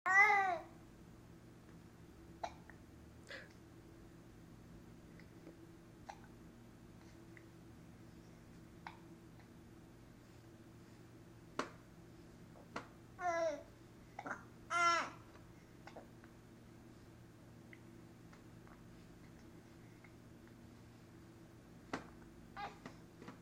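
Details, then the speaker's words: Infant hiccups: brief sharp catches at irregular intervals mixed with short babbling coos over steady room hum, as the baby babbles and smiles while being talked to. "ah you telling me stories are you telling your hiccups to go away oh is that right"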